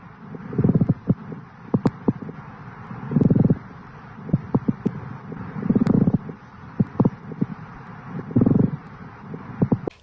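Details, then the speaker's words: Rhythmic, continuous, dry grating and creaking bursts with each breath over the chest: a pleural friction rub, heard during a chest auscultation demonstration. "also a plural friction rub is a continuous dry grading sound"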